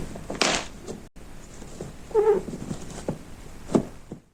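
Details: Cat coughing and choking after eating chili powder: a sharp, harsh cough, then a strained voiced gag and a short final hack.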